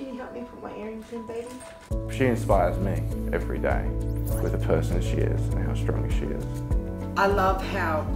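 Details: Adult man speaking; normal speech.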